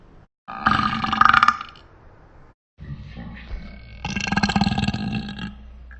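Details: Loud burping: two long, rumbling, rattling belches separated by a quiet pause; loud voluntary burping.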